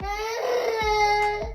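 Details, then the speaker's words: A 4-year-old boy gives a brief, loud, wailing cry with sobbing catches while made to clean his room before bed, after crying for almost 5 minutes; ordinary upset crying. "hey hey hey hey we we done listen to you cry for almost 5 minutes"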